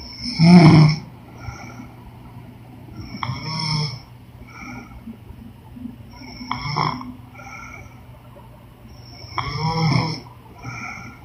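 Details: Woman snoring during sleep: rough, rattling breathing sounds every few seconds over a constant background hum, with softer breaths between.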